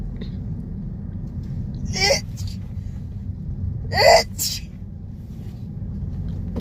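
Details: Dog sneezing in a car during a traffic jam, dirty nose noted: two sharp sneezes each followed by a brief snort, over steady car engine rumble.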